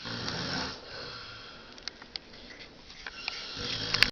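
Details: Man snoring after an evening of heavy vodka-orange drinking: a rough, rattling snore at the start and end, with quieter breathing and a few clicks between, in a small room; snoring.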